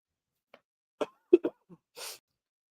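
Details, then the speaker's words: An adult under the weather with a summer cold, sipping tea and losing their voice, gives a quick cluster of three or four short coughs ending in a breathy, rasping exhale. "Sorry guys, I'm a little under the weather, so I got my I got my tea. I'm coughing up a storm here, so I apologize for that."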